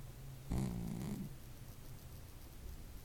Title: The cat that snores